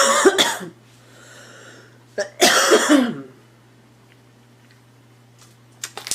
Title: Girl Coughing 377